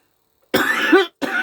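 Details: Adult coughing while talking: two short, harsh coughs in quick succession, the first longer, in a quiet room; an ordinary cough.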